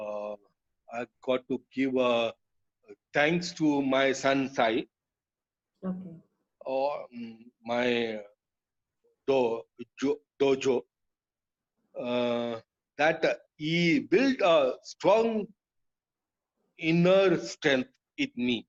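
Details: Adult male, years after a haemorrhagic stroke hitting the speech centre with total speech loss, relearned speech through speech therapy; still hesitates and cannot always finish sentences: non-fluent aphasia after stroke.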